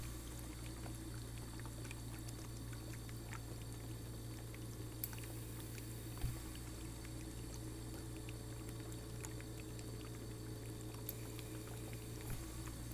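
Steady low hum with a soft bubbling, hissing flow and occasional faint clicks: an oxygen concentrator running normally.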